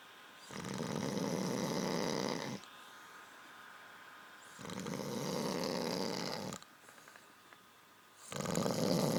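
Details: Loud, rough, rattling snoring breaths about every four seconds, roughly 15 a minute, with quiet gaps between, during sleep.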